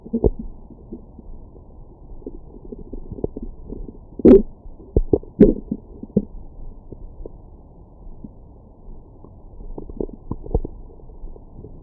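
Low gurgling and rumbling abdominal noises with a few louder squelching bursts; ordinary stomach growling after a meal.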